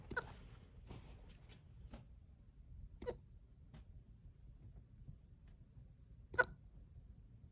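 Small sharp hiccup sounds from a raccoon, spaced a few seconds apart, over low room noise.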